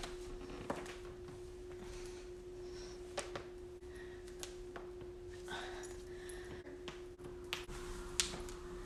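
Several sharp, brief pops and clicks over a steady low hum, consistent with harmless joint cracking.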